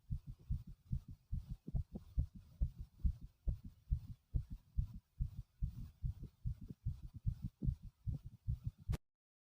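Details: Strong, regular, low thumping paired heartbeats from an adult male: a pounding heartbeat.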